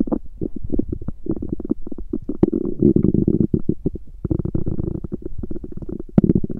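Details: Female's stomach growling (borborygmi) recorded during menstruation: loud, low gurgling and rumbling with rapid bubbling pops, ongoing throughout.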